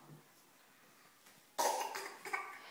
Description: The triplets have bad coughs... Fake though